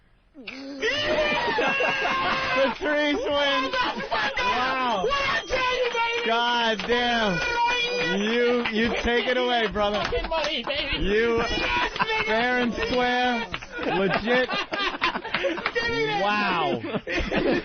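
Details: Tourette syndrome vocal tics from a comic with Tourette's who held them in, then released bursts of loud, sudden, rising and falling vocal sounds and cries.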